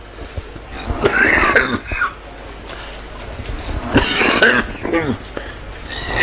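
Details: Severe cough from a former Malaysian prime minister while speaking at a rally on 16 March 2018: harsh, forceful, repeated coughing fits through a loudspeaker, with room echo.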